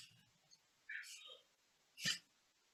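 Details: Woman who stutters, recorded on the first day of a stuttering therapy course before treatment, with blocks that stop her from saying her name; stuttering with blocks.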